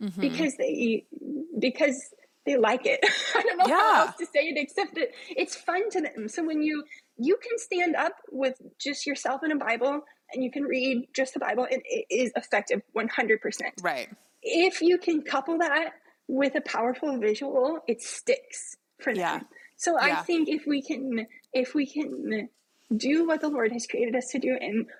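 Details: Adult woman with self-reported spasmodic dysphonia, a vocal cord spasm, heard in her speech during a podcast interview; spasmodic dysphonia.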